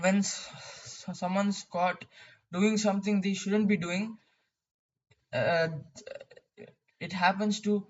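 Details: Male who describes his own stuttering; stuttering.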